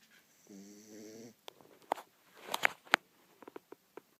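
One brief rattling, fluttering inhaled snore, followed by scattered soft clicks and snuffling noises.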